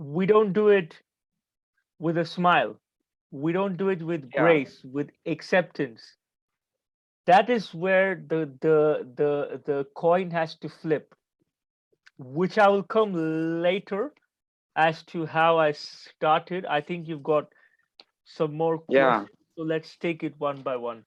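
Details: Adult man who stutters and reports that he still stammers, with blocks during this conversation despite having become more fluent; stuttering.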